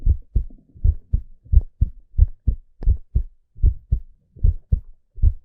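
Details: Steady, regular lub-dub heart sounds at about 85–90 beats per minute, a normal male adult heartbeat.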